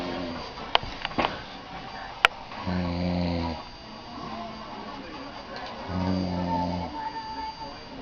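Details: Someone passed out asleep gives two loud, buzzing snores on inhalation, with room clatter and faint music behind; snoring.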